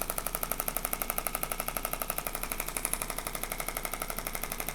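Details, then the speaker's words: Rapid, very regular clicking pulses, about four per second, from a shockwave therapy handpiece used with ultrasound gel on a man's sore lower back during chiropractic treatment, on a comfort setting ramping up. "it's on a comfort setting right now. It's basically ramping up to what I put it at."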